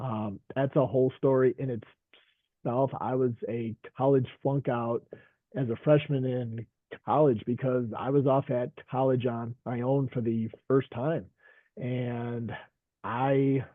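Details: Stuttering in an adult male veteran high school coach and special education teacher who stutters.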